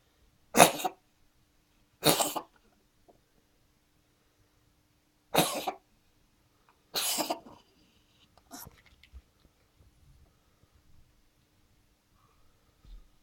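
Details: Four harsh, explosive coughs spaced irregularly, then softer throat noises and quiet, from a large cat that coughs like a child.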